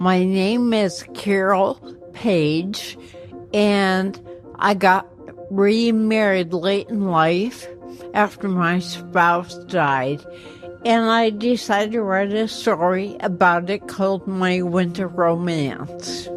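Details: Ataxic dysarthria in an 84-year-old woman with progressive, incurable ataxia affecting motor skills and voice; first signs in her 60s, speech problems only in the last couple of years.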